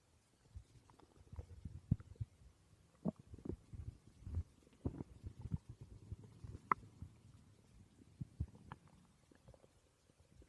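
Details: Woman's stomach growling (borborygmi) recorded while she slept.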